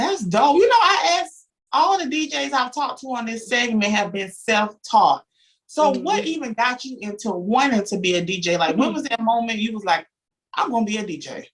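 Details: Adult woman; typical speech.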